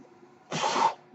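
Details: A brief rushing puff of air, about half a second long, rises and cuts off against quiet room hum: a mechanical ventilator breath cycle from the male podcast host's own ventilator, recorded in real life while he speaks.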